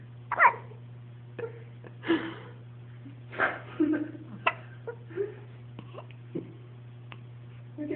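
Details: Baby boy with hiccups: short, sudden catches of breath at irregular intervals over a steady room hum.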